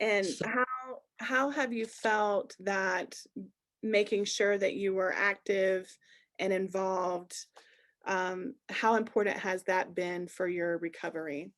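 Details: Adult woman speaking; ordinary speech.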